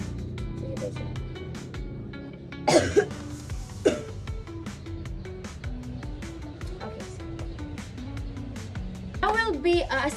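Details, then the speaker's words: Voluntary cough: two short, sharp coughs over background music, made on request during a nursing student's thorax and lungs assessment demonstration, to check whether adventitious sounds clear with coughing on stethoscope auscultation. "Um, when oscultating adventicious sounds, ask patient to cough and listen again with stethoscope to determine if sounds are clear with [Music] coughing."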